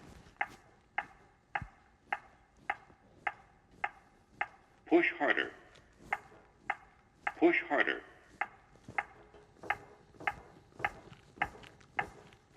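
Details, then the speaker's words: Training demonstration of a ZOLL AED 3 metronome: after "no shock advised, start CPR," regular tones at about 110 a minute pace chest compressions, with two short spoken device prompts. "push to match the tone the AED 3 is monitoring and reminding me to start CPR"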